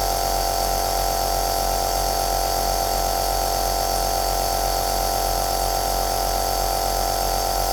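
Steady droning hum with constant hiss from a running nebulizer compressor; an ordinary device sound, used as white noise.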